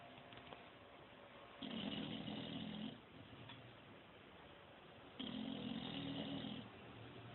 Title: Chibi y su banda sonora - Snoring Bulldog